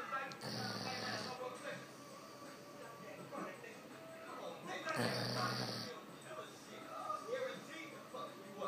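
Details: Deep-sleep snoring: two rough snores about five seconds apart, with television talk and music in the background.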